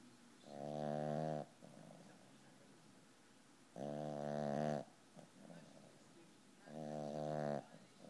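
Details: Loud buzzing snores on each breath in, roughly every three seconds, with softer snuffling breath out between, from a sleeping 12-pound puppy; snoring.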